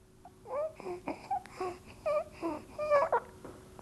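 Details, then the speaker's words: Eight-week-old infant girl whose mother took drugs during pregnancy, making repeated short humming "hmmm" sounds while drinking, showing difficulty coordinating breathing and feeding. "Wie man hört beim Trinken, diese "hmmm, hmmm", das ist die Schwierigkeit, dass Luft und Trinken für sie schwierig ist."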